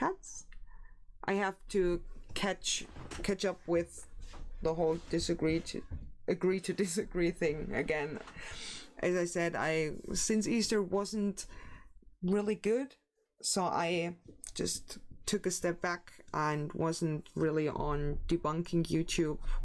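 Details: Stuttering in an adult male streamer, who says it is worse than usual today because he is very tired and sleeps poorly.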